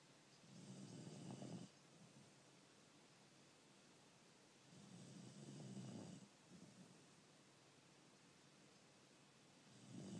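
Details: Sleeper snoring: slow, low rumbling snores about every four seconds, roughly 14 breaths a minute, with quiet pauses between them; snoring.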